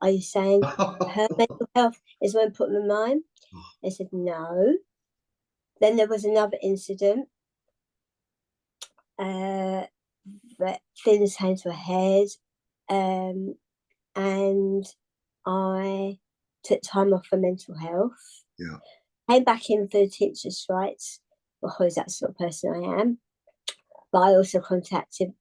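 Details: Adult woman, tongue cancer survivor, with articulation impairment and swallowing problems after partial glossectomy, a second tongue resection six months after treatment, and radiotherapy.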